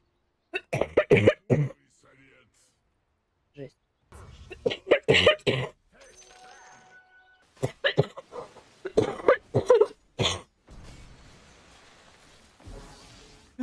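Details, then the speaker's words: Adult woman smoker with allergy, coughing while gaming, real unscripted; repeated harsh, deep coughing bursts in clusters; smoker's cough. "Чёртов кашель. Блин. Или вам слышно только мой чертов кашель?"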